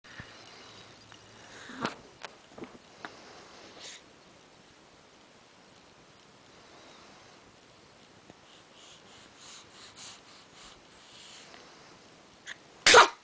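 Quiet room with faint sniffing, then one sharp explosive burst at the end: a single sneeze.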